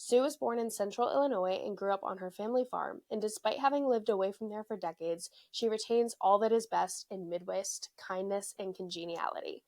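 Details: Adult female speaker; normal speech.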